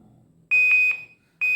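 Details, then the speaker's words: INFUSYS-S syringe infusion pump demonstration: loud high-pitched electronic beeps in short bursts after the syringe empties before the 100 ml target, silenced with the mute key; end-of-infusion alarm. "So at the end of infusion alarm, we have to press mute key."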